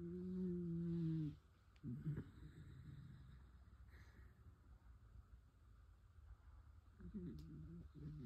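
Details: 14-year-old dachshund snoring at bedtime: deep, rumbling, droning snores with quieter breathing between them.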